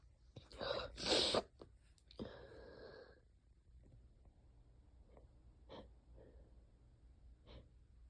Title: really wet itchy allergy sneezes and a few coughs